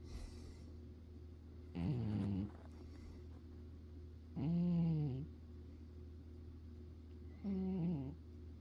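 Three drawn-out, whiny, buzzing snores from a cat, about 22 a minute, over a low steady hum; normal.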